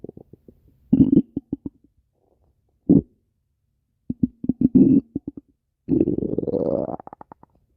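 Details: Bursts of rapid, pulsing gurgles and a rising, drawn-out rumble: stomach growling (borborygmi), ordinary gut sounds.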